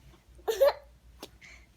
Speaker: I want to see if you have the hiccups. Who's got the hiccups? Who got the hiccups?